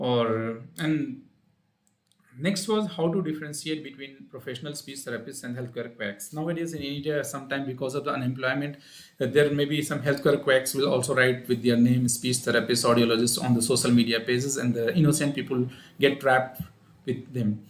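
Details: Adult man speaking; typical adult voice.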